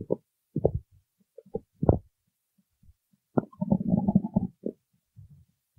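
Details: Stomach growling while singing: irregular low gurgles and bubbling rumbles in quiet surroundings; borborygmi.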